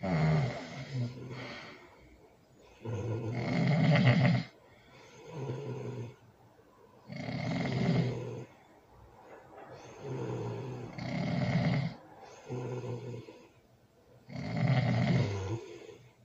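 Loud, rattling snores on breathing in, about 16 breaths a minute, with quieter breaths out between them.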